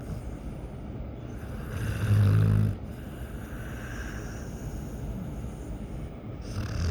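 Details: Sleeping dog snoring, louder than a human: a deep, rumbling snore stands out briefly over steady low room noise.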